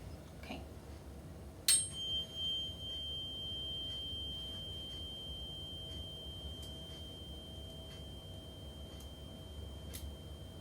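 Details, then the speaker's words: Tuning fork is struck and gives a clear, steady, fading ring, placed on top of the head for the Weber test of bone conduction in a health assessment; sound heard in both ears, no lateralization. "And so what I'm going to do is I'm going to make this sound and I'm going to put it on the top of your head and I want to make sure you can hear the sound loud both in both ears."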